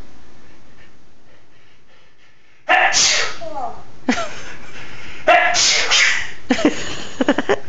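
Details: Parrot copying a person's sneezes: several short, sharp sneezes from the small bird, some with brief squeaky calls between them; sneezing.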